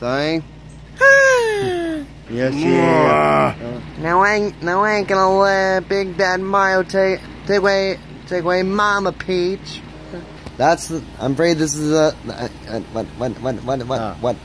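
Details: Frequent stuttering in a male speaker.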